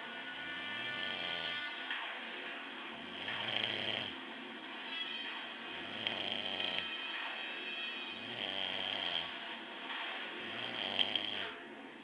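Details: Adult father snoring in sleep: low rhythmic snoring rumbles, about two dozen a minute, partly covered by television or music in the room; snoring.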